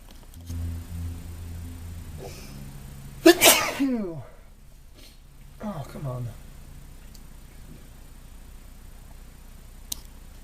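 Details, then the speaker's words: Adult male with hay fever from pollen, during a long run of sneezing; one loud forceful sneeze then a softer second sneeze, low room hum: allergic sneezing. "Only can imagine what it's like to have this kind of allergy and do this amount of sneezing."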